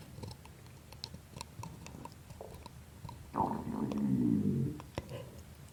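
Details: Faint clicks, then a low, wet, gurgling rumble lasting about a second and a half: ordinary stomach growling (borborygmi).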